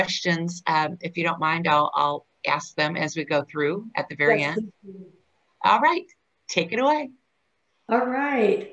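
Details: Adult speaker; ordinary speech.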